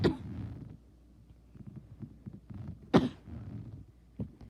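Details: An adult with a bad cough gives two forceful coughs and a smaller third cough, each a sharp explosive burst.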